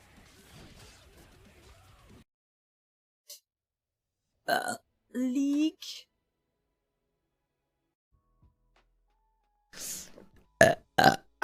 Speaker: oh my god see i drank the monster too fast that's oh my god this is going to be beautiful uh